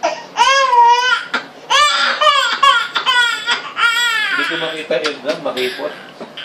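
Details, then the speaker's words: Young child crying loudly in repeated distressed sobbing bursts while a doctor cleans the left ear with warm water and betadine during an ear exam; ear infection mentioned; adult voices in background; crying in pain. "may infection yun. Kaya nasaktan."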